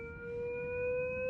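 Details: Steady high-pitched electronic tone rising slightly in pitch from a LifePak 15/20 defibrillator connected to a simulator, sounding during synchronized cardioversion demonstration; defibrillator charging alarm.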